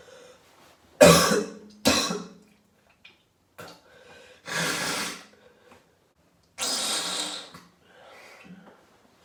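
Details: Several harsh, wet coughs with throat clearing and breaths between from an adult ill for about three days, possibly with COVID-19 (unconfirmed), hoarse voice, bringing up mucus; productive cough.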